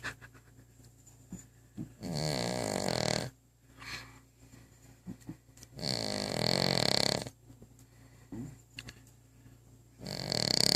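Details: A dog asleep with her head resting on the bottom of a coffee table snores loudly, with rattling, fluttering snores on each in-breath about every four seconds and quieter breathing between; snoring.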